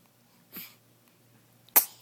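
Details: Baby sneezing: a soft breathy burst, then one sharp, hissing sneeze in a quiet room.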